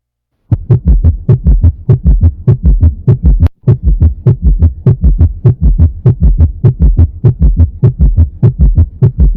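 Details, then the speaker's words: Summation gallop with tachycardia in severe decompensated heart failure: rapid, regular low thumps near 100 a minute, the separate heart sounds blurred into a galloping rhythm. "y no sabes ya identificar nada o sea simplemente está por ahí un caballo en su en su pecho y que está ganando la carrera"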